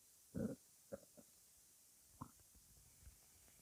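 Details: Stomach growling (borborygmi) in someone who needs to eat breakfast: several short gurgling rumbles, one louder burst then fainter ones.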